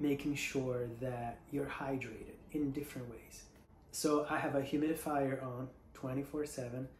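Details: Adult female singer recovering from Covid-19 with bilateral pneumonia (tested positive March 3); she cannot currently sing and feels her vocal cords are not fully closing; voice breathy versus her usual resonant, projected voice; breathy voice (dysphonia).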